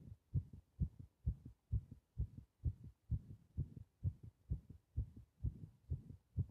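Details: Heart sounds recorded during paper-bag breathing (part 3): a regular, fast heartbeat of about 130 a minute with clear paired thumps; rapid heart rate.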